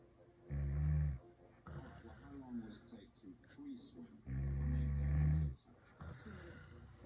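Two long, deep, rumbling snores, with quieter breathing and background noise between them.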